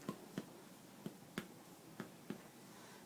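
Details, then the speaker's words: Dull, somewhat rocky percussion note over the chest, tapped with two fingers on a hyperextended finger during respiratory assessment. "this is dull kind of rocky so that's precaution"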